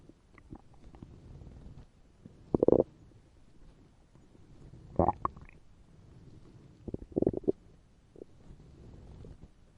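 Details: Hungry stomach growling sound effect, a realistic digestive sound: borborygmi.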